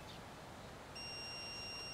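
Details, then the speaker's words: Steady high-pitched electronic AED alert tone just after shock delivery, over quiet outdoor background, during a woodland training demonstration of defibrillator use and CPR in a simulated cardiac arrest. "do not touch the patient analyzing heart rhythm so when he says don't touch don't touch shock advised stand clear flashing orange button now"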